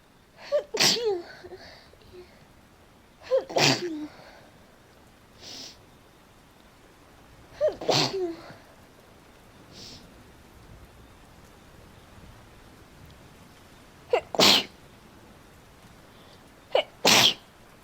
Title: POV: I caught a lot of rain, now I can't stop sneezing 🤧🤧 (F)